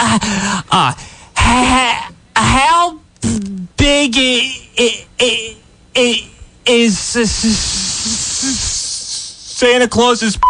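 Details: Imitated stuttering by a prank caller in a comedy phone call, with repetitions and hesitations.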